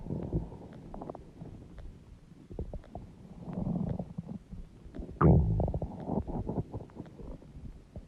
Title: Huge stomach growling noises | My Stomach Makes Noises